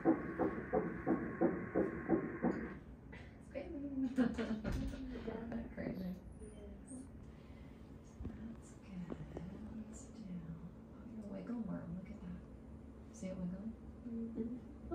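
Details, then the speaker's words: First-trimester fetal heartbeat on ultrasound: rapid, regular whooshing pulses about 175 a minute, then room talk and music; normal fetal heartbeat. "yeah really close right here you can see a little heart just beating away in there let you hear it here in just a minute"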